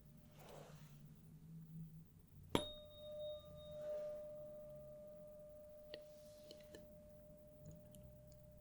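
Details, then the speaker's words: Simulated ENT exam: a sharp strike, then a clear steady ringing tone slowly fading as the tuning fork is placed at the center of the forehead for the Weber test. "And to start, I'm going to strike the tuning fork and put it right in the center of your forehead. I just want you to tell me if you hear it on one side, the other, right in the middle, or if you can't quite tell."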